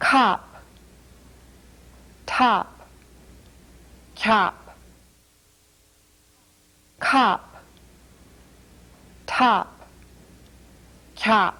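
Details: Speaker with a repaired cleft palate substitutes mid-dorsum palatal stops for t and d; mid-dorsum palatal stops.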